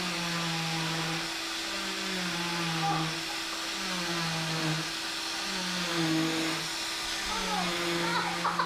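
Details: Oscillating cast saw removing a child's final leg cast: a high whining motor rising and falling in pitch as it cuts, with faint talk in the room.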